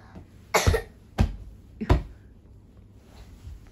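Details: Young child with a slight cough: three short, dry coughs in a quiet room; a mild cough.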